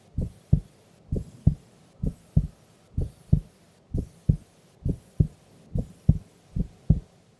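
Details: Heartbeat of a sleeping female during an afternoon nap: steady paired low thumps at about 67 a minute, normal first and second heart sounds.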